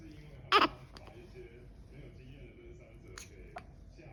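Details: Baby on day 28 of life with hiccups that won't stop: one strong sharp catch and a few softer ones over about four seconds, quiet room behind; infant hiccups.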